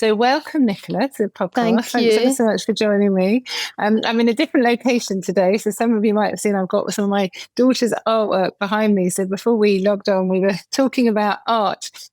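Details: Adult woman speaking; Normal speech.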